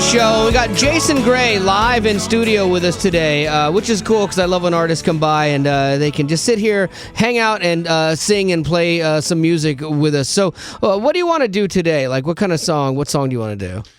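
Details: Adult male radio host; normal speech.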